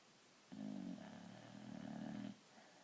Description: More of the cutest white boxer snoring peacefully on the couch.